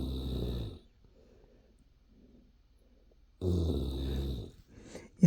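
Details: Adult man (husband) asleep: two loud, low rumbling snores on breathing in, separated by a quiet pause of about three seconds; ordinary rhythmic snoring.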